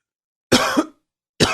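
Two harsh, forceful coughs, the first with a double push, separated by silence.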